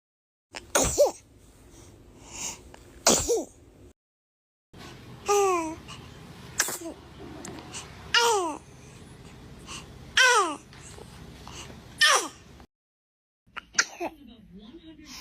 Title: Adorable Baby Sneezes Compilation | Cutest Baby Reactions Ever!